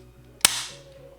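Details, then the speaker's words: Single sharp snap like a cap gun as a needle-free hyaluron pen fires one 0.01 ml dose of hyaluronic acid into stretched skin during mesotherapy, set with one turn per shot. "stretch her skin push shut and each shot is exactly the same 0.01 ml the same amount the same shot and"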